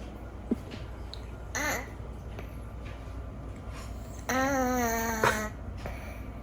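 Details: A rescued cat snores softly through the nose with high, whistling squeaks while asleep. The cat has a chronically slightly blocked nose, and the snoring is louder than usual. Snoring through a partly blocked nose.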